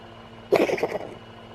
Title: Trillian the cat has a bit of a chesty cough